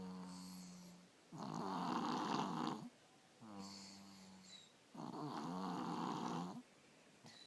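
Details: 3-year-old child with strep throat snoring, usually bad and now worse with the strep, with an ENT visit being considered: loud, rough inspiratory snoring with quieter, more tonal out-breaths, about 3 breaths in 7 seconds; heavy snoring.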